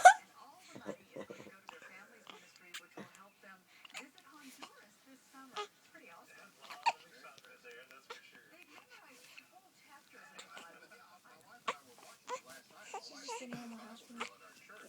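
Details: Baby (Mia) with harmless infant hiccups: repeated short, quiet catches and clicks at irregular intervals, with soft vocal sounds.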